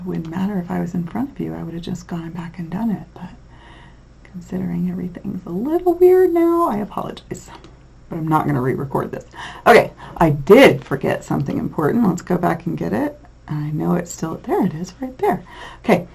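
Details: Adult lecturer; normal speech.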